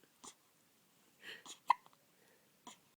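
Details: One-month-old baby boy with hiccups: several faint brief catches in a quiet room, soft voice nearby.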